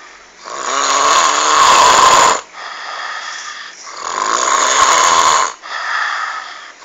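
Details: Two long, loud, rattling snores with quieter breath-out phases between them, about 19 cycles a minute; very heavy, frightening-sounding snoring.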